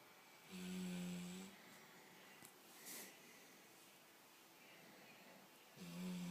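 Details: Two buzzing, droning snores about five seconds apart with quiet breathing between from a sleeping yellow English Labrador.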